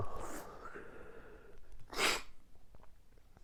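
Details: Morning allergic sneezing fit that happens every morning: breathy noise, then one sharp sneeze burst with quiet breathing after; the fit lasted several more minutes.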